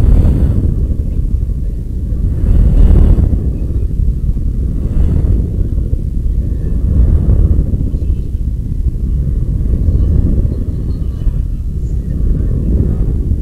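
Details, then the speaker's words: Surface EMG device (two-op-amp instrumentation amplifier, electrodes) fed to a computer sound card during weight lifting: steady low rough rumbling buzz swelling in waves every few seconds as muscle electrical activity rises with each contraction. "this is and that's that so that's uh emg device um and that's measuring the electrical activities in my muscles"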